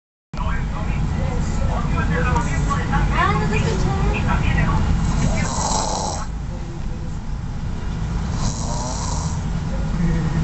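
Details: Sleeping exhausted after spring break, continuous low rumbling snore with steady noise and faint background sounds; snoring.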